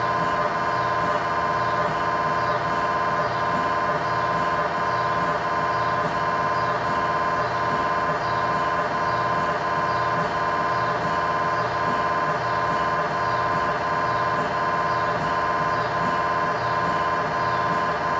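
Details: Loud, steady buzzing drone with rapid regular mechanical pulsing, about 86 a minute, recorded inside the scan room of a GE 1.5T or 3T MRI system; MRI scanner sequence noise.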